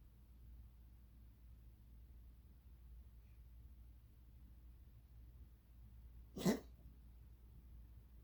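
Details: Cat with a weird cough persisting for months, owner says not a hairball: a single short, sharp cough-like burst against quiet room noise.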